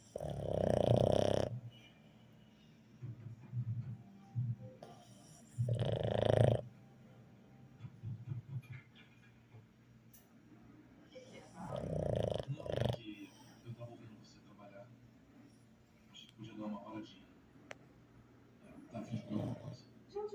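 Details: Irregular low, rumbling snores every few seconds with softer breathing noises and faint background sound between; a person snoring.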